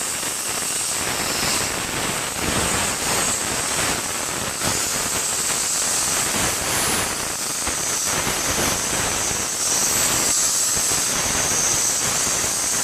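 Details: Dental air polisher removing tooth stain with pressurised air, water and a sodium bicarbonate slurry: a continuous loud rushing hiss of spray.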